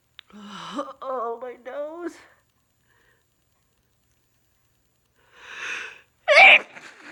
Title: Teasing sneezes and a big blow